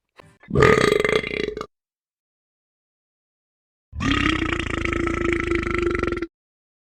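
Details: Girls' burps from the One Piece cartoon: two long, loud, drawn-out burps with a rattling voiced tone; burping.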